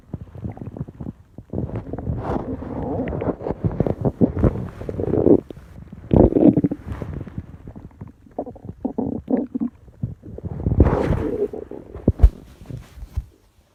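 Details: Adult man's abdomen: loud, prolonged gurgling and rumbling; ordinary stomach and bowel sounds (borborygmi).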